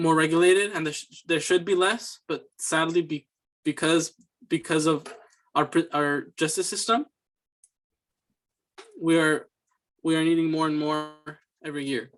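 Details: Student answering interview questions in a fluency speech sample for a communication disorders class, with repeated words; stuttering (disfluent speech).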